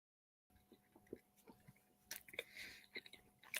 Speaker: I should have muted myself because you probably hear my jaw clicking I have a very bad clicking jaw